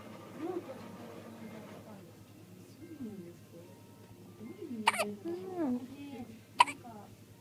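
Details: Sleepy baby with hiccups around milk feeding: two sharp, brief catches over soft infant fussing and adult talk; hiccups.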